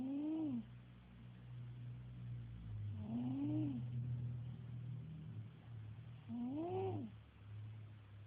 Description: My pet cat snoring. And he can get even louder than this!